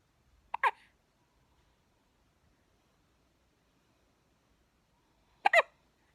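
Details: Two-week-old baby boy who can't stop hiccupping: two brief, sharp hiccup sounds about five seconds apart in a quiet room; ordinary newborn hiccups.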